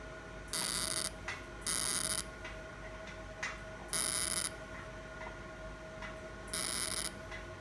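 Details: Fractional CO2 laser firing repeated short bursts of sharp hissing clicks over a steady machine tone, covering remaining areas of an accident scar on a man's hand after mesotherapy.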